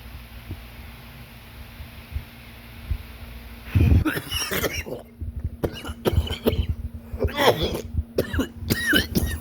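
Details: Quiet room hum, then a coughing fit of about eight harsh, forceful coughs in quick succession after taking four "blinkers" in one breath.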